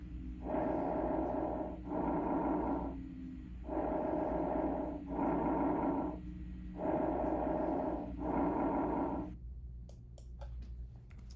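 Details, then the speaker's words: Reference recording of normal bronchovesicular breath sounds, normal only over parasternal and parascapular areas: steady breath cycles, medium pitch between bronchial and vesicular, inspiration-to-expiration ratio about 1:1. "Track four, bronco vicicular sounds. These sounds have a pitch somewhere between the bronchio breath sounds and the vicular breath sounds you've already heard."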